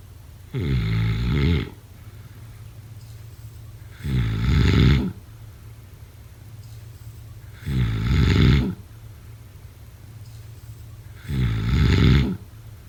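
Four loud, regular, low rattling snores about every 3.6 seconds, roughly 17 breaths a minute. Steady snoring during sleep.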